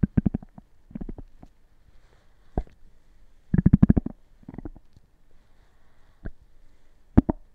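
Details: Active stomach gurgling: bursts of rapid bubbly gurgles and single pops from the belly in a quiet room; normal bowel sounds (borborygmi).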